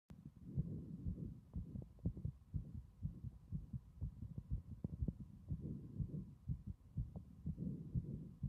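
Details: Loud heart sounds: strong, regular low thumping heartbeats throughout, roughly 120 a minute, over a faint steady hum.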